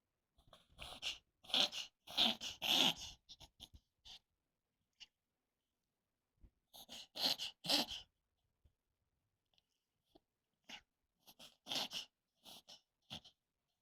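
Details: Poodle's occasional reverse sneezing, said to be common in poodles and worrying when it happens suddenly: bursts of rapid, snorting inward breaths lasting a few seconds, separated by quiet pauses.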